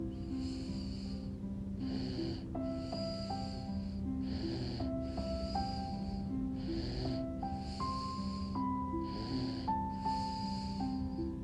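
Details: 11-month-old baby snoring during nap: soft, rhythmic snuffly breaths, partly covered by gentle background music; infant snoring.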